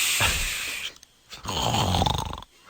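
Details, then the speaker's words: Two loud, rough snoring breaths separated by a quiet pause, heard over a telephone line from a sleeping woman, 5'6" and about 200 pounds; her sleep is said to be disordered because of her weight. Snoring. "She stopped snoring. It seemed like it caused a little movement."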